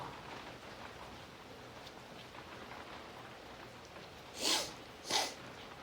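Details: Person who just woke up sniffly with a tickle all morning, having a sneezing fit: two sudden sharp sneezes in quick succession over steady rain noise.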